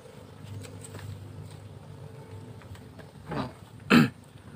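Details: Repeated coughing from a goat with a cold and a runny nose during the seasonal weather change, recorded while the cough was being treated.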